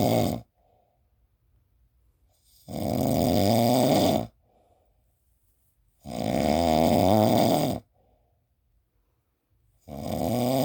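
Loud, rough, rattling snores on each breath in, about 17 a minute, with quiet pauses between them.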